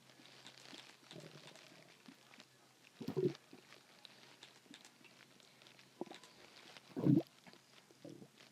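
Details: Low gurgling and rumbling bursts, two louder gurgles amid faint bubbling, recorded first while swallowing a small amount of water mixed with air, then during its after-effects: stomach growling.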